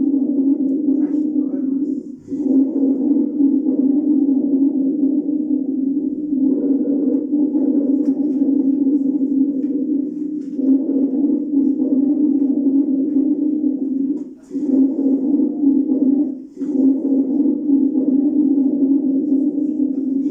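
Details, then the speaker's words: Teaching example of wheeze, a high-pitched, mainly expiratory sound from bronchospasm in the small bronchi: long, continuous musical whistling with brief pauses between breaths. "el sibilante A diferencia de roncus es un sonido más agudo y es básicamente expiratorio se va a producir en los bronquios de pequeño calibo"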